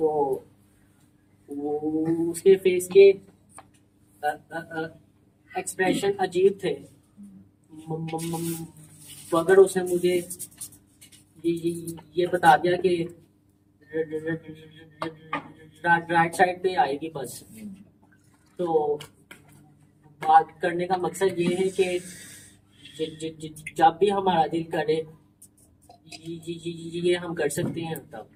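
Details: Man who stammers, in a stammering support session, deliberately stammering and including his feared words as a therapy technique; voluntary stuttering (deliberate dysfluency).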